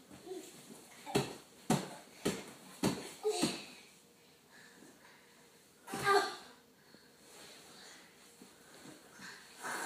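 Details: Toddler fake sleeping and imitating snoring: a quick run of short, snorting breaths, then one longer snort.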